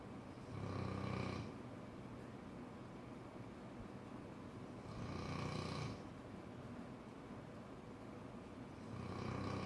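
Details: A Cane Corso dog snores: regular rumbling snores about every four seconds, roughly 14 breaths a minute, over a steady background hiss.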